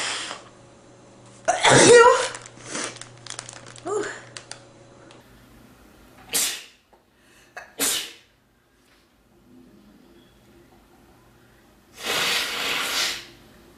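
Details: Man sneezing and blowing his nose: a strong sneeze with sniffs and short bursts, two sharp sneezes, then a long nose blow; ordinary sneezing.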